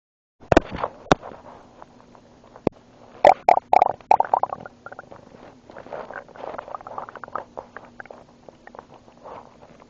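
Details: Ordinary stomach noises recorded with a friend's help after swallowing water and air: irregular gurgling, popping and bubbling from the abdomen (borborygmi).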